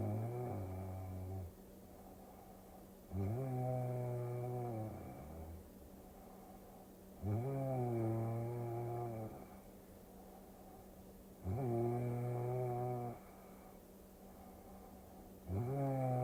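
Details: Snoring during sleep, from a sleep-aid ASMR recording: regular, loud, buzzing snores with rising and falling pitch, about 15 a minute, over a steady low background hum.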